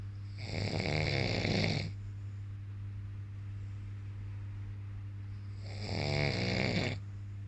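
Two loud, harsh, rattling snores about five seconds apart over a steady background hum.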